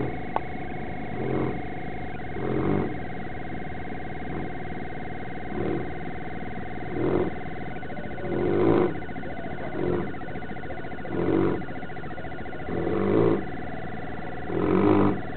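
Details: Mastino (mastiff) dog snoring while napping in the backyard: deep rumbling snores every few seconds, about ten in fifteen seconds, with a steady tonal background hum.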